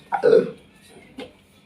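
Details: During an alternative hypnosis/ruqyah healing session, a patient is urged to keep expelling: a short throaty belch followed by a smaller second one, air brought up from the stomach; belching.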